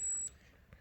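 A single short high-pitched electronic beep as a blood glucose meter powers on after the batteries go in.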